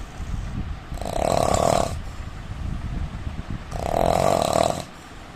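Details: Indian man snoring: two loud, rough, vibrating snores about three seconds apart with noisy breathing between; ordinary adult snoring, recording has some sound problems.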